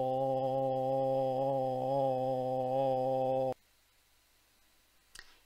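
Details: Real patient assessed for voice tremor, judged to have predominantly very mild vocal instability rather than tremor; prolonged 'ah' with semi-rhythmical tremulous movements toward the end; finding: vocal instability.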